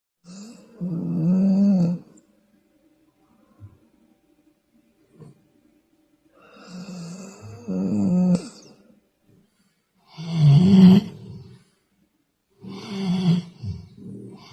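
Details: A dog snoring during sleep, one example of varied dog snoring: rough, low, rumbling breaths repeating every few seconds, with soft background music.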